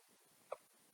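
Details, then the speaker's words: Young child with recurring hiccups: a single brief, sharp hiccup against quiet room noise. "Oh no, hiccups again."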